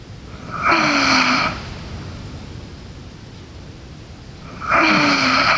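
Two loud, rasping, snorting snores about four seconds apart over steady background hiss; sleep snoring.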